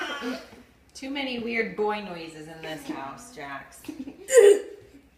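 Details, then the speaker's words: Young boy asked to repeat a coughing sound: playful voiced noises ending in one short, harsh, breathy burst; imitated cough. "just do the choking sound again it was a coughing sound"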